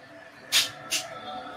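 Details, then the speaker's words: A small pet sneezing in the background: two quick, sharp, hissing sneezes about half a second apart over quiet room noise. "uh Phoenix just sneezing in the background anybody's wondering what that noise is"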